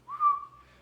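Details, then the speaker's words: Wheeze imitated by whistling in a pediatric respiratory lecture: a brief steady whistled tone mimicking air passing through narrowed airways, as in bronchospasm. "sibila e parece um assovio então é como é uma passagem de ar por uma uma superfície reduzida"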